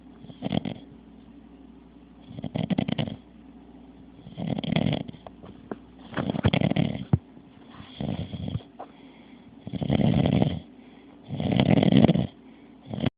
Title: My dad snoring part 3